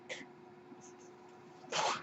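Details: A brief puff of air, then a louder rushing hiss over a steady low room hum: a mechanical ventilator breath cycle from the male podcast host's own ventilator, recorded in real life while he speaks.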